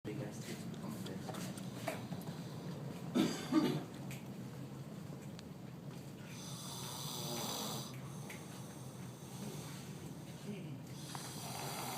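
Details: Loud, rough, rattling snoring compared to a chainsaw, continuing through a recording in a quiet room with a brief louder burst partway through; typical heavy snoring.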